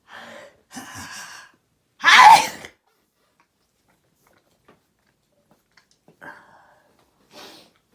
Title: loud sneezing 1